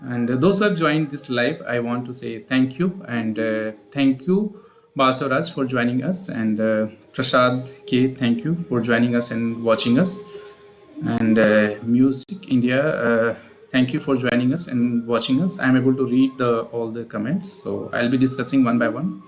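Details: Adult male speaker; normal speech.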